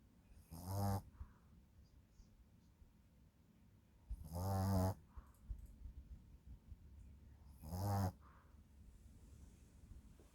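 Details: Shih Tzu puppy sleeping: three soft, low rumbling snores about every 3.5 seconds, quiet between; gentle puppy snoring.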